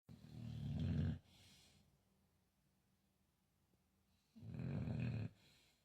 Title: Loud snoring dogs disrupting your sleep? #fok #sleepingdog